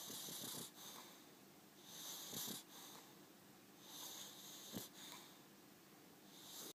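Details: Slow, rhythmic, whistling snores, about three breaths in seven seconds, each with a hissing, wheezy inhalation during sleep; snoring.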